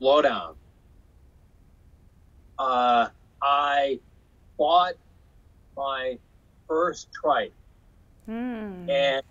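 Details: Aphasia in a man after a stroke in 2005 caused by hereditary hemorrhagic telangiectasia (HHT); he says he had or still has aphasia.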